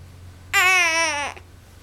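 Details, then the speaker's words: Infant boy doing tummy time and standing practice, getting frustrated, gives a single brief, high, clear cry or squeal lasting under a second. "Where are you going, huh? Don't get frustrated. There you go."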